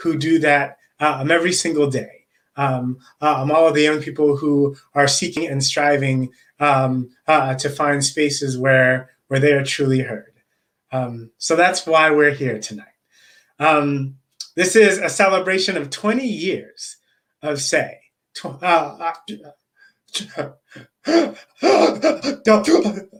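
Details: Adult man who stutters, with repetitions and long pauses: stuttering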